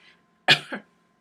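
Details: Adult woman whose allergies are acting up in windy, dry weather: a single short, harsh cough with a brief second burst, close to a throat clear, with faint room hum behind.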